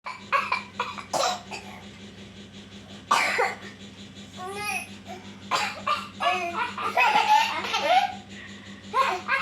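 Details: Cough triggered by laughter in a child: laughing bursts break into several short, sharp coughs over a steady low electrical hum.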